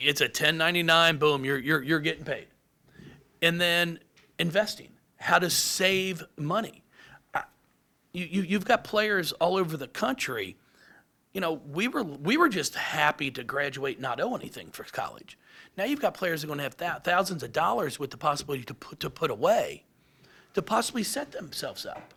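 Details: Adult man with lifelong stuttering, speech therapy from first to eighth grade, now much improved; he anticipates which words he will stutter on and substitutes them; stuttering.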